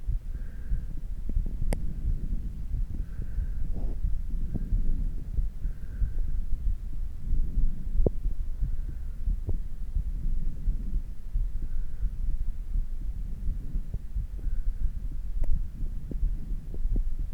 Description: 運動後の徐々に普通の拍動にもどっていく心音です